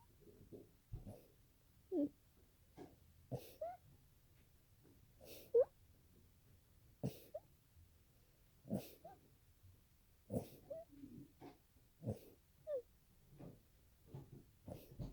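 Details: In the person's longest sneezing fit, about a dozen short, sharp sneezes come in quick succession over fifteen seconds; a prolonged sneezing fit.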